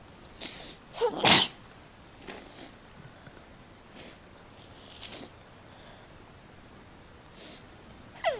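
One sharp, explosive sneeze with a few softer breath bursts around it, against faint background noise.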